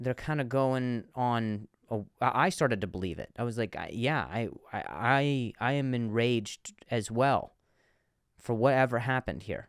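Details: Adult male comedian who speaks with a stutter, in a podcast monologue; word repetitions are heard; stuttering.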